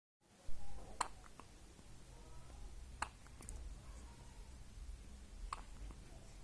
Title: Newborn hiccups 😍